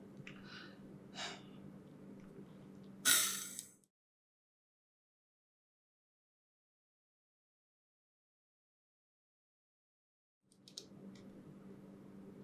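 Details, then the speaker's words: Simulated demonstration of short-acting albuterol MDI inhaler use with a spacer for chronic respiratory disease: a sharp single puff, a good slow deep breath in through the spacer mouthpiece, then silence during a roughly 5-second breath-hold; correct inhaler technique. "and then you're going to do one puff of your inhaler with a good slow deep breath in and make sure you then hold your breath for about 5 seconds"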